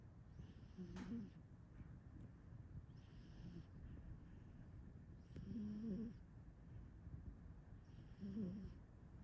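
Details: Sleeping male cat snoring: soft rhythmic low rattling breath sound about every two and a half seconds over quiet room noise; snoring.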